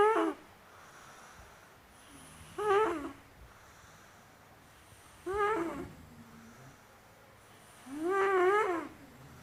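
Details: Boy sleeping at a boys' boarding school: four voiced, groaning snores at about 22 breaths a minute, with quiet between them in a small room.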